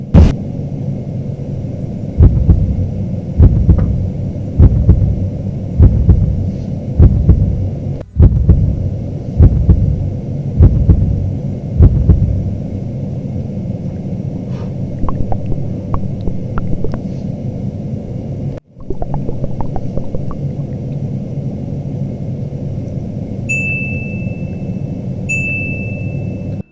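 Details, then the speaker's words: Simulation of everyday sounds heard through a stethoscope: muffled, booming low thumps and rumble with faint high beeps near the end, dull and amplified as if underwater. "well that's the best I could do to imitate just the craziness that goes on when you listen with the stethoscope to anything it sounds like I don't know what do you think it sounds like to me it sounds like you're underwater I mean everything seems louder and more focused"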